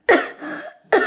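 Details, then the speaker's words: Two short, forceful voluntary adult coughs on request, recorded with the Higo device stethoscope module held close to the face but slightly to the side; the second cough is cut off. "can you please cough three times for me"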